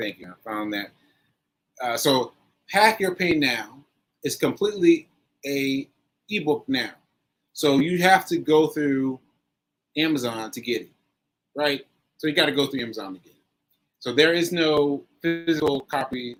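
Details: Post-stroke aphasia in a male stroke survivor, nearly a year after a stroke on 7/14/22 (recorded 7/4/23); he is still recovering and says his aphasia makes some everyday tasks harder.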